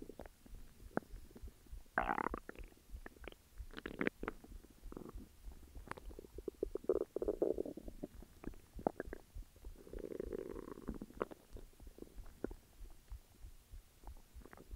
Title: Stomach growls